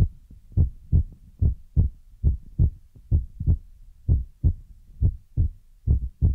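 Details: ASMR relaxation heartbeat trigger: soft, low, paired thumps in a steady rhythm, about 70 beats a minute; ordinary heartbeat.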